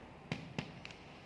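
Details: Abdominal percussion done finger-on-finger, never with the bare hand on the abdomen: three quick, dull taps over one abdominal quadrant, two or three taps per quadrant.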